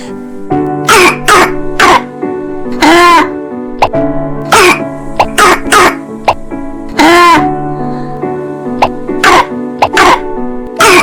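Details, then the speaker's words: Croup in a child: repeated harsh coughs sounding like a dog's bark, over background music. "Si la tos de su hijo suena como el ladrido de un perro Y respirar es una lucha con un sonido ronco, gorgoteante o silbante"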